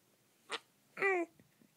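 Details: Five-week-old baby with hiccups, one short sharp catch followed by a brief squeaky vocal sound: hiccups.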